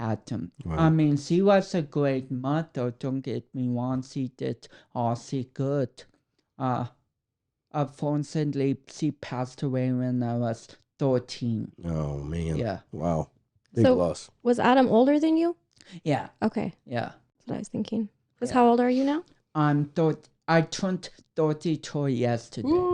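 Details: Dysarthria in a 32-year-old man with cerebral palsy, which he says affects his speech coordination and walking.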